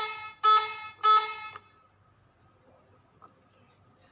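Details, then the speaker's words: Hawk-S1 syringe pump keypad unlock beep: the alarm sounds while the keypad is locked in setting mode, then a beep as OK and Clear are pressed together to unlock it. "cara buka sih ini dengan cara tekan Ok dan clear secara bersamaan"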